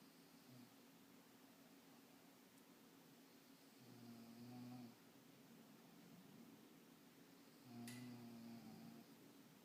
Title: snoring